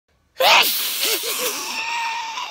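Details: Person sneezing repeatedly, sneezes getting more intense, possibly triggered by surrounding noise: a single forceful sneeze bursts out after silence, followed by a brief voiced trailing sound.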